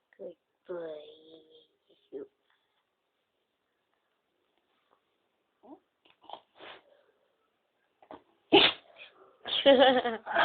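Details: Pet dog named Louie sneezing: quiet speech, then several short snorting bursts near the end.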